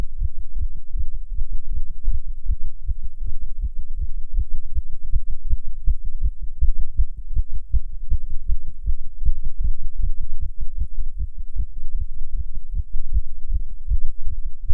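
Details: Fast heartbeat in a non-smoker while smoking a cigarette, nicotine effect: rapid, regular low heart thumps repeating steadily throughout, tachycardia.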